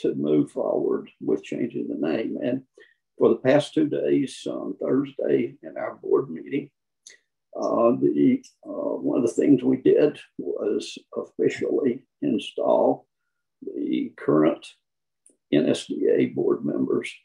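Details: Adult man with spasmodic dysphonia, who counts himself among people with SD; the finding is spasmodic dysphonia.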